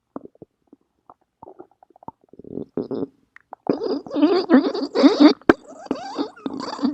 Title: stomach growling